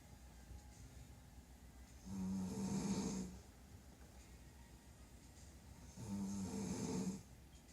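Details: Loud, low, rattling adult snoring, said to be a mother's at night: two snores on in-breaths about four seconds apart (roughly 15 a minute), with quiet room hiss between.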